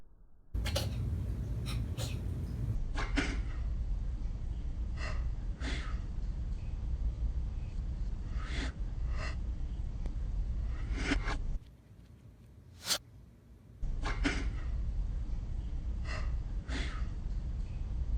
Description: Tobycat Sneezing Cat Hiccup Slowed Down And Reverse